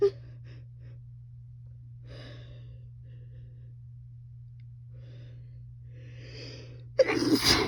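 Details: 26-year-old woman sneezing in bed while high after smoking: soft breathy intakes, then a single sudden forceful sneeze, with a steady low electrical hum in the background.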